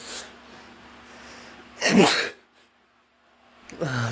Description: Packing my stuff to move to a new place but there's a lot of stuff in dusty places that really tickles my nose!